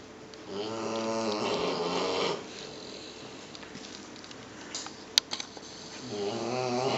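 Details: Puppy with severe demodex mange snoring loudly while napping in a crate: two long, buzzing, rattling snores on inhalation separated by a several-second pause, with a few soft clicks.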